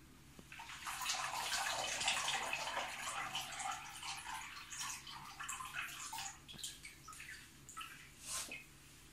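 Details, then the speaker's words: Water splashing and fizzing bubbles as a folded plaster-of-Paris lower-limb (posterior leg-ankle-foot) splint of about fourteen layers is fully submerged until bubbling stops, showing it is saturated and ready. "A continuación, se sumerge completamente la férula, hasta que deje de salir burbujas, se extrae"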